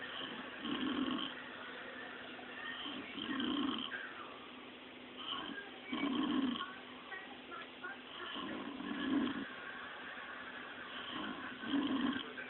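Repeated low, rattling snores, about 20 to 22 a minute, with each breath in: steady snoring over a phone recording's muffled background.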